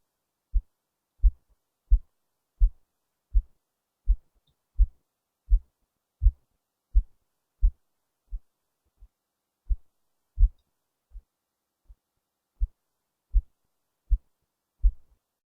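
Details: Own heartbeat recorded faintly through a low-quality microphone placed under the left breast: steady low thumps at about 85 beats a minute, some beats faint.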